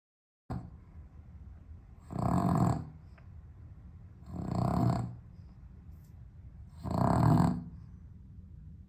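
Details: Three loud, rattling, irregularly spaced snores over about nine seconds from a sleeping dog with sleep apnea, improved on heart medication, on a very hot 32°C day in London without air conditioning; owner urges it to breathe.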